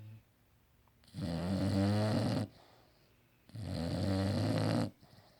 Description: English bulldog snoring